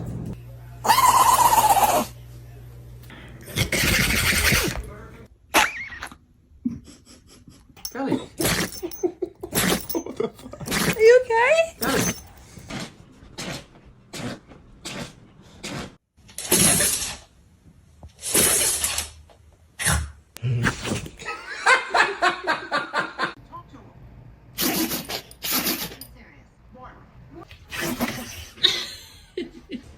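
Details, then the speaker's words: A puppy gives several short, sharp, explosive sneezes, with quiet human voices in the background: a big sneeze. "Big sneeze."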